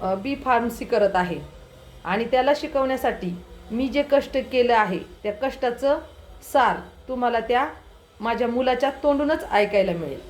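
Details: Adult woman speaking; typical speech.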